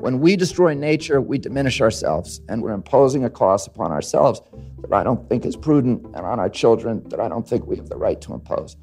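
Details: Spasmodic dysphonia in an adult man, diagnosed after he established himself as an environmental lawyer in the mid-1980s.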